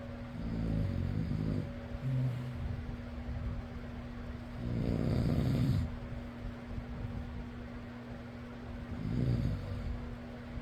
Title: fan noise + person snoring.